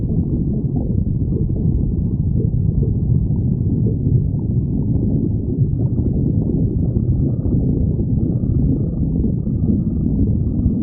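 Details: Stomach growling (borborygmi).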